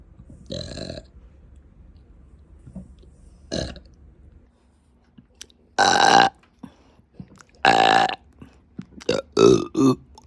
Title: A dangling slipper, faceless burps + a surprise end💝😘